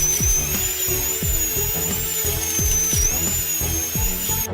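High steady whine of a dental drill with background music and low thumps; drilling to smooth out a tooth cavity.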